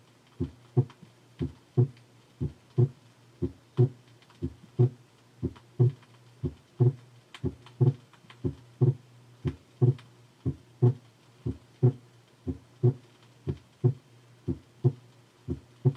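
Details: Physiological splitting of the second heart sound, 1968 teaching recording: regular heart sounds near 60 a minute, second sound single or barely split in expiration, splitting during slow inspiration.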